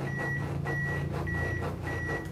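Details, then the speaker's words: Regular high beeps, about 100 a minute, over rustling from an AED after a delivered shock, pacing 30-compression CPR chest compressions in a training demonstration; defibrillator CPR metronome. "and you'll hear the beeping on the defibrillator that's pretty much giving us the rhythm"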